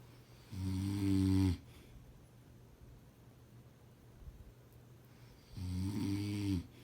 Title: Husband snoring